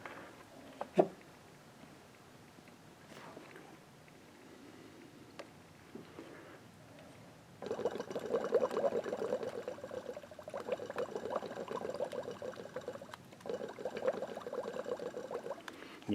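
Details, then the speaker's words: Shop-built hand-operated, pressure-regulated non-rebreathing emergency ventilator on oxygen: steady rapid gurgling as air bubbles out the low-pressure water-column manometer tube at about 5 cm H2O, while the other gauge reads about 4 cm; the more accurate gauge. "this one when it's bubbling out the end as at about five centimeters of water this is the more accurate gauge"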